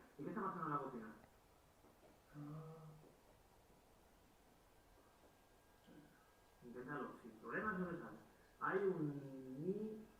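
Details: Spanish-speaking male patient with Broca's (expressive) aphasia one year after a left middle cerebral artery stroke.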